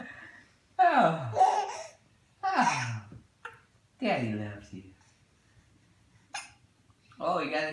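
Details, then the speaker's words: Infant who got hiccups from laughing hard: laughing and squealing broken by abrupt catches every second or two; hiccups. "you got the hiccups? Oh no. It was so good. She got the hiccups."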